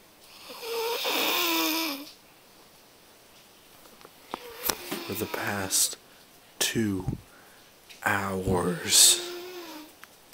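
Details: A person snoring in sleep at 2: harsh, rattling breathing noises in a quiet room.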